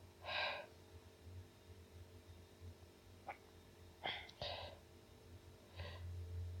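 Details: Nonstop sneezing: several short sharp sneezes in a row over a steady low hum.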